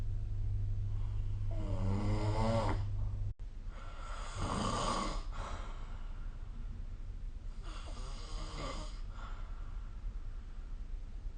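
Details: Snoring during sleep recorded with the SnoreLab smartphone app; snoring.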